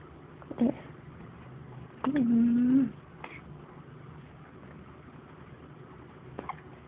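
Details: Baby hiccups: a few brief, abrupt voiced catches, one drawn into a short squeal, in a quiet room.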